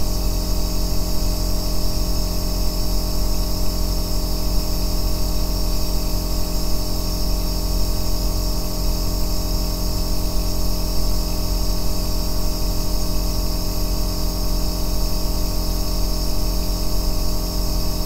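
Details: Aerosol nebulizer running continuously, recorded as an ASMR white-noise track for sleep and relaxation: a low droning compressor hum under a steady hiss, unchanging throughout.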